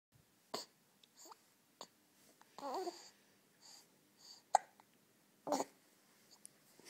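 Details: Young child with hiccups; repeated short, sharp hiccup sounds at irregular intervals, mixed with soft babbling in a quiet room.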